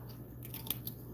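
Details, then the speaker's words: Brief crisp snipping and crunching over room hum: surgical scissors cutting the capsule during en bloc removal of 1988 breast implants in a 63-year-old woman, entering from the soft area. "let me go ahead and go in from the soft area so I don't have to hurt my scissors"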